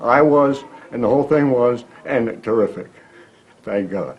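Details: Person with aphasia, usually acquired after a stroke or other brain injury, speaking in long sentences with no meaning; fluent aphasia.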